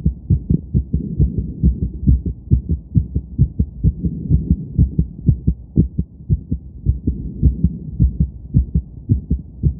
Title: Quick Heartbeat After Some Exercise 🏃‍♀️🙌🏻